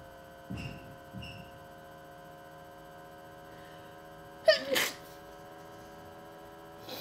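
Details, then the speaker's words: Person sneezing at the tail end of a prolonged allergy attack of unknown cause: two soft in-breaths, then one forceful sneeze with a brief second burst; allergy-related sneezing. "I don't know what is making me sneeze, but my allergies are insane."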